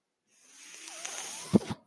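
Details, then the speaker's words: One mechanical ventilator breathing cycle: a rising airy hiss of delivered breath ending in two soft valve thumps. It comes from a podcaster's own ventilator, heard during speech. "my name is that noise here is my ventilator"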